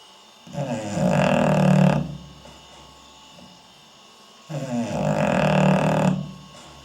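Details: Snoring in a sleeping English Bulldog filmed with night vision, belly rising and falling: two loud, rough, rumbling breaths with long pauses, about 15 breaths a minute.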